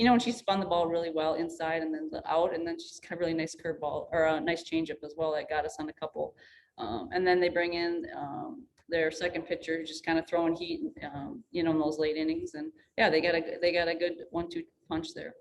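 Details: Adult speaker; ordinary speech.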